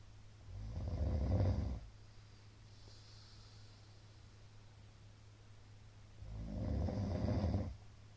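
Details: Middle-aged man snoring during sleep, recorded 13 March 2022, described as very loud: two long, loud, rough snores about five seconds apart over a steady room hum.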